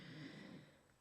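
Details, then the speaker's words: Pet named Rolo asleep under a table: a faint, low, rough snorting breath fading out over about a second; snoring. "um yeah sorry if you can hear Rolo snoring he um clearly feels the need to be right under the table with me while I do this and be asleep"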